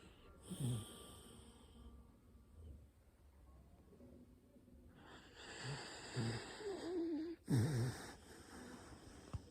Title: my dog Louie snoring